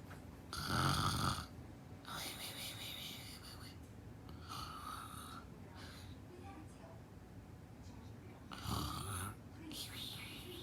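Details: Nanay (mother) snoring during sleep: loud rattling snores recur every few seconds with quieter breathing between them; snoring.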